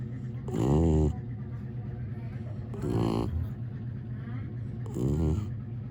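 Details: Sleeping dog snoring: three slow, deep, rattling snores about two seconds apart with quieter breathing between.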